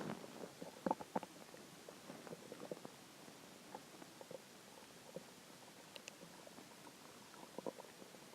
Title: hungry stomach growls 2